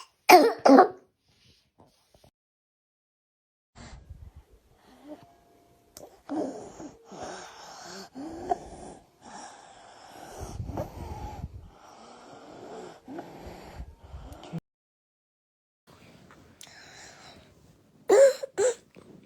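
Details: Real child with croup: harsh coughs and long, noisy, strained inspiratory breaths, typical inspiratory stridor with croup cough.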